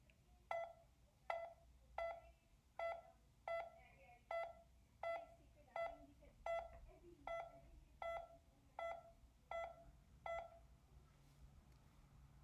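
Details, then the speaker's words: Pulse oximeter audible beep, one per heartbeat: steady, same-pitched electronic beeps at about 80 a minute. "there is also an audible beep that beep corresponds to each heartbeat it sounds like"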